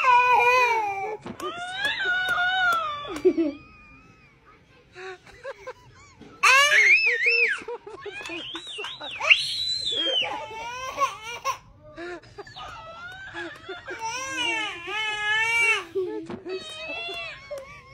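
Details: A baby crying at a dancing cactus toy: bursts of loud, high-pitched wails with whimpers between and brief pauses for breath; ordinary infant crying.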